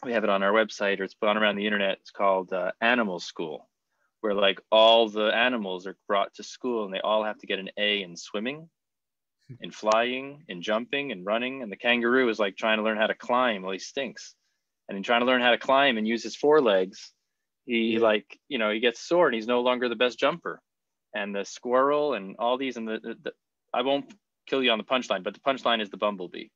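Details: Adult male speaker; fluent speech.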